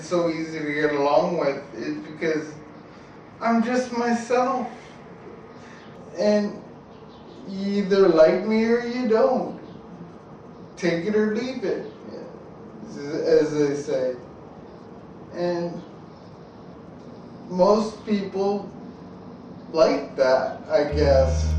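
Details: Ataxic dysarthria in an adult man with an undiagnosed, progressive ataxia that began in 1986; his speech slowly became more slurred and listeners often ask 'What?'.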